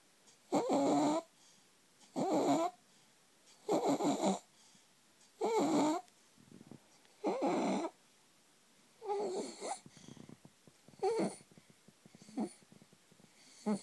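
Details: 4-month-old infant with laryngomalacia: a harsh, squeaky, crowing inspiratory stridor with each breath in, at about 36 breaths/min.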